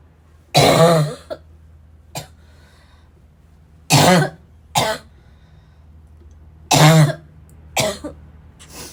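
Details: Three harsh, forceful voiced coughs, each followed by a smaller cough or throat clear, with quiet gaps between; the person feels they are choking on the cough, tagged as a barking cough; repeated hard coughing.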